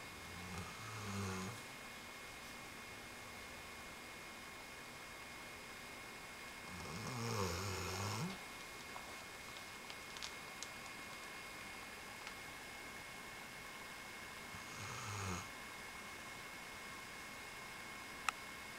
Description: This is our dog Riley, yea, snoring! :D